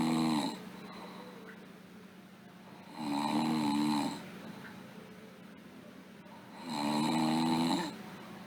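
Regular buzzing snores on each inward breath with quieter breathing between, about 16 breaths a minute; snoring.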